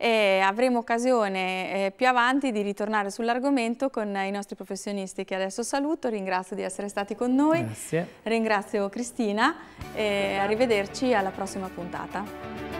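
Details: Adult woman, television presenter; Normal speech.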